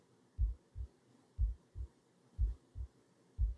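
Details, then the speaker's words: Computer-made normal heartbeat, a steady regular low thumping lub-dub at about 60 per minute, from an art performance. It is a collective pulse averaged from audience members' heartbeats, heard while listeners rest with hands on their hearts. "i'd invite you to put your hand on your heart and feel your heart beating in the palm of your hand feel the warmth of your hand on your skin"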